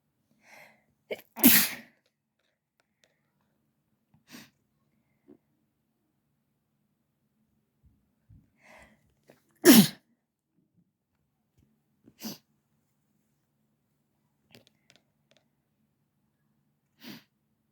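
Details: Two loud, intense wet sneezes, each with a brief inward breath before it, plus several short muffled stifled sneezes in between; sneezing.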